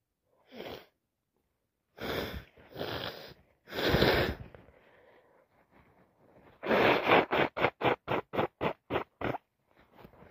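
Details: A few forceful sneezes, then a rapid run of about ten short sniffs: sneezing and sniffling with a snotty common cold.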